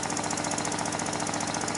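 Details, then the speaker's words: Newborn patient on a 3100A high-frequency oscillatory ventilator running, lungs gently vibrating to maintain lung volume, before piston is stopped for auscultation. "to be performed with the oscillator running the lungs gently vibrate and maintain their lung volume"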